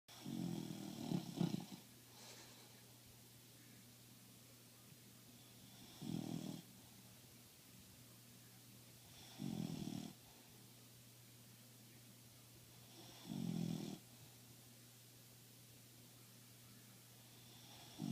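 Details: Snoring in low rumbling bursts about every 3.5 seconds, roughly 16 to 17 breaths a minute, over steady room hum.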